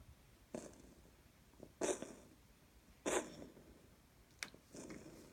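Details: About four short, hoarse, hacking coughs at irregular intervals from a cat in a quiet room; coughing.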